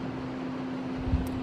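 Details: Home nebulizer compressor set up for a small child, running with a constant low motor hum and whir.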